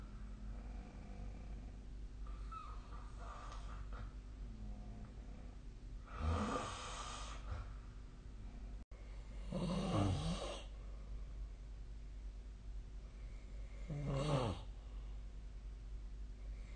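A few rough snoring breaths, one roughly every four seconds, over steady room hiss: snoring during sleep.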